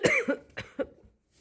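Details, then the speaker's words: About three short, sharp cough bursts from an adult who says they are still sick, in a small room during a nightly guinea-pig care routine, each with a brief voiced onset, then quiet: cough. "I'm sorry. I can't help that I'm sick."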